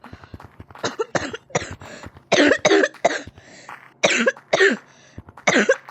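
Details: A run of about ten dry coughs in quick succession with short pauses, in a small room; person reports being unable to stop coughing.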